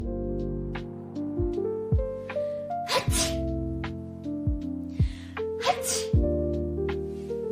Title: Sneezing Compilation